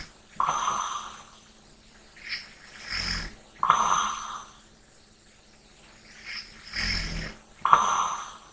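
Slow, regular snoring during sleep, about 15 breaths a minute, each breath in with a rough rattle and out with a softer sigh.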